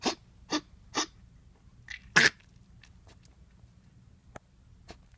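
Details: 12-week-old female Jack Russell Terrier puppy coughing while trying to fall asleep, three quick soft coughs then a louder one with faint snuffles; occurs for an hour or more until comfortable; vet not very concerned.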